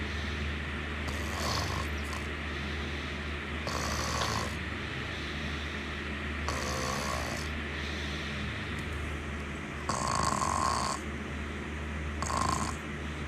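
Rasping snores recur about every two to three seconds over a steady hum of room noise. Ordinary snoring during sleep.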